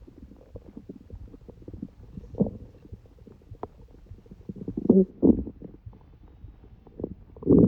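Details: Person with a cold: low gurgling and bubbling abdominal noises in irregular bursts, louder rumbles toward the end; ordinary active bowel sounds (borborygmi).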